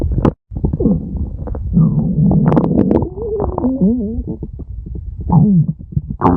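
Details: Stomach growling from a friend: loud, drawn-out gurgling and squeaky, wavering growls from the belly; ordinary stomach growling, normal gut movement of gas and fluid.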